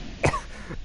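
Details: A single short, harsh cough with a throat-clearing quality, from a live-streaming gamer who says they can't breathe and might gag.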